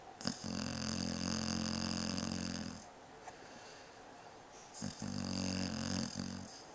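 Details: Sleeping dog snoring steadily: two long, buzzing snores about five seconds apart, each followed by a quiet pause.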